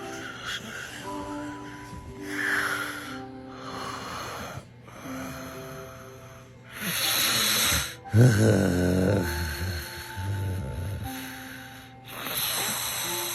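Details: Snoring bodybuilders: loud irregular snorts and rough snoring breaths over background music.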